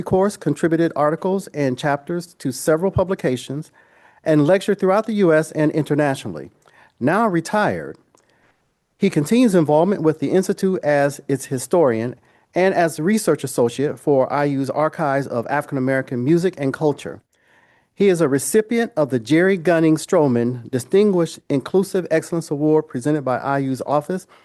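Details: Adult speaker; Normal voice.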